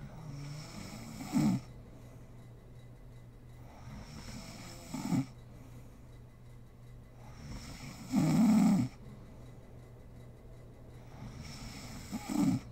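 Four rough, rattling snores on the in-breath, spaced about every three to four seconds, with quiet breathing between.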